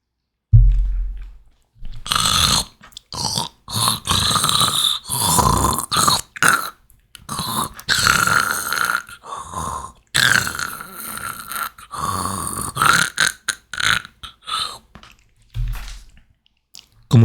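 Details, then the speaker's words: Simulated airway-management teaching example of gurgling: wet, bubbling sounds on both inspiration and expiration, felt as fluid moving with each breath, from secretions pooled in the airway; needs clearing if it impairs breathing or oxygen saturation. "ustedes han escuchado, es un sonido que es tanto inspiratorio como expiratorio y uno siente que hay fluidos cuando el paciente respira."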